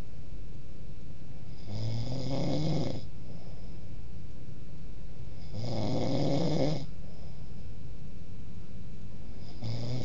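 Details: Snoring recorded in 2008: low rumbling snores about every four seconds, roughly 15 breaths a minute, over steady background hiss.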